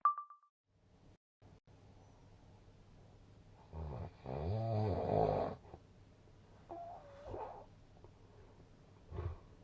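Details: Snoring recording with a snoring score of 166.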